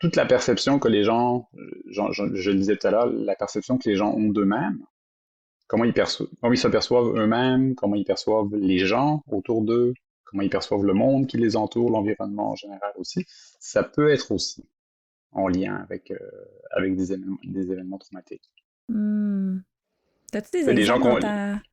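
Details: Adult woman who stutters, a doctoral candidate in speech-language sciences: stuttering.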